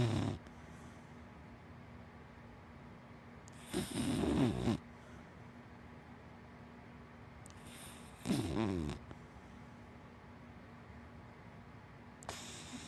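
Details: Sleeping dachshund–black Labrador mix dog snoring: three loud, rattling snores at slow intervals, about 14 a minute, over quiet room hum, ordinary snoring.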